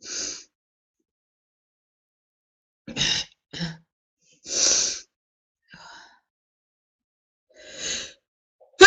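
A string of sharp sneezes with quick indrawn breaths between them, five or six bursts over several seconds; a prolonged sneezing fit.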